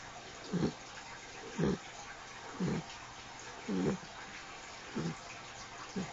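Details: Ten-week-old apricot Mastiff puppy snoring very loudly: regular low snores about one a second, partly masked by steady water noise from a fish tank.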